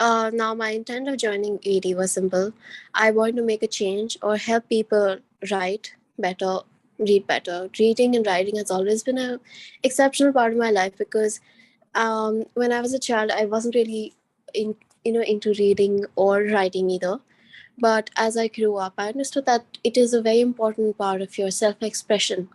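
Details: Adult woman speaking; ordinary speech.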